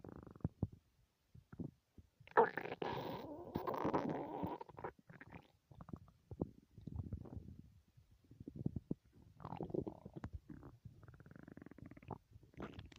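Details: Repeated low gurgles and rumbling bursts of stomach growling after not eating for 3 whole days; hunger borborygmi.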